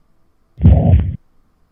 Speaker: so I hope you can appreciate that that murmur goes continuously and is high pitched and blowing between the S1 lob and the S2 dub so that's mitral and tricuspid regurgitation